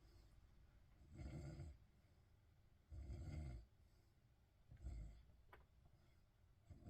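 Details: Joe snoring while lying in a bed: soft, low, rhythmic snores, three in about seven seconds, roughly 30 breaths a minute; snoring.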